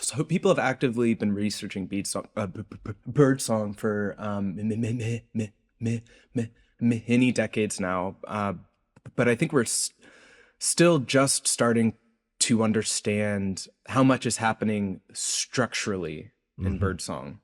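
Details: Adult male researcher who self-reports a speech impediment heard throughout his interview; speech impediment (stutter-like disfluency).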